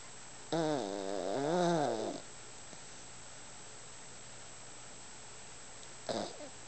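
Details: Sleeping small Yorkshire terrier in deep sleep with eyes open, giving two drawn-out, wavering, tonal snores several seconds apart over quiet room noise; ordinary sleep snoring.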